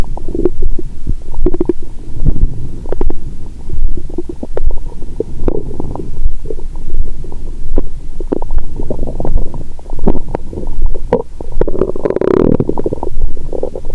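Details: Woman after a large meal with wine following 22-hour fast, stethoscope over abdomen: continuous low gurgling and rumbling with frequent bubbling bursts; active bowel sounds.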